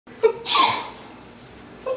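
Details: Simulated comedic sneeze from a woman with allergies: short voiced intake followed by one sharp, hissing sneeze burst.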